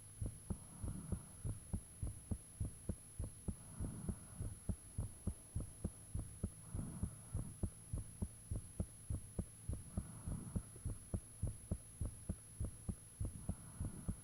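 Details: Self-recorded own heartbeat with fan off, made shortly after the heart began feeling very thumpy; loud, regular paired thumps about 100 a minute over a steady hum; clearly audible heartbeat.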